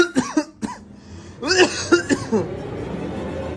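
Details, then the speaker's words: Several short, voiced cough bursts with a throat-clearing quality, acted by a young man beside his mother in a comedy sketch, with faint background music: simulated cough. "Sen hasta mı oldun? >> Yok anne ya hasta değilim. Boğazımı temizleyeyim."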